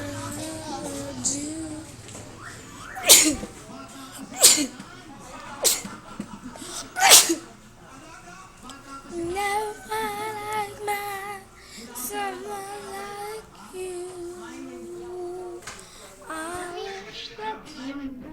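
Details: Four sharp sneezes in a row while singing "Someone Like You" over background music, then the singing carries on.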